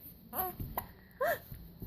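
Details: Brief vocal sounds from a young girl with one abrupt, clipped catch in between, fitting a hiccup; room noise behind.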